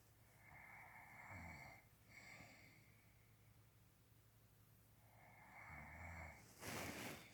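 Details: Long, rattling breaths with a whistling edge and low fluttering rumble, repeating in slow cycles with a sharper snort at the end, from a bear; snoring.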